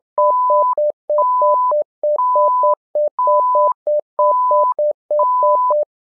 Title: SimMon simulated patient monitor